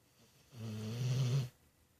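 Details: Sleeping pet snoring loudly: one loud, low, rattling snore about a second long.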